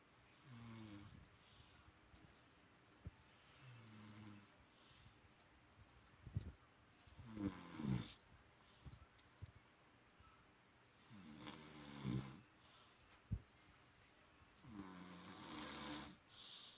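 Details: Grandfather snoring in sleep: low, rattling snores on each breath in, about five over seventeen seconds, roughly every three to four seconds.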